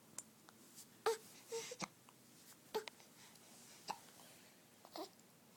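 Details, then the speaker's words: A baby has repeated hiccups that interrupt attempts to vocalize: several abrupt, short voiced catches at irregular intervals, some with small whimpers. "yeah are you doing oops hiccups again hey pickups irritating right"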